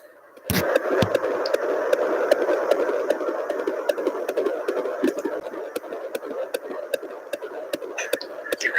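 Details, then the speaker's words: Fetal heartbeat at about 15 weeks of pregnancy (25 weeks left) on a home Doppler: steady, rapid whooshing pulses at about 150 beats a minute, described as a strong heartbeat; fetal heartbeat on Doppler. "i don't know if you guys can hear that or not is really good strong heartbeat"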